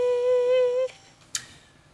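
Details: Patient after programmable laser removal of a hemorrhagic vocal fold polyp, folds very supple at low pitches and fairly supple at mid and higher pitches; normal phonation after vocal fold polyp surgery.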